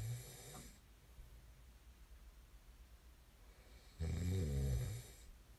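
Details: Snoring ASMR recording: two deep, low, rattling snores about four seconds apart with quiet breathing between; typical snoring.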